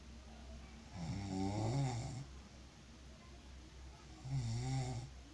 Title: Sound of snoring when you are very tired.